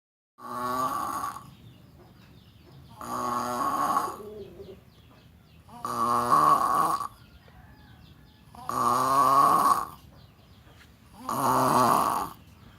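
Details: Loud, rattling snores about every two and a half seconds, roughly 22 a minute, with quiet breathing between; snoring.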